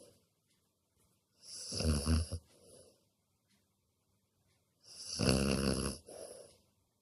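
Two loud rough snores on breathing in, each with a softer breath out, about 18 breaths a minute in a quiet room.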